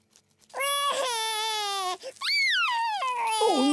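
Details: A young child's loud, sustained cry in two long wailing bursts with a brief catch of breath between them: an ordinary crying spell.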